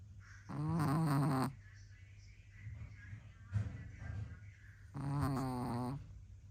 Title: Who says only men snore?